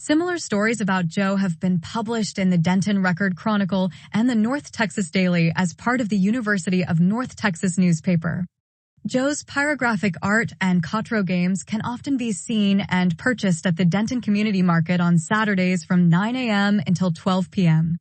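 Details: Adult narrator; normal fluent speech.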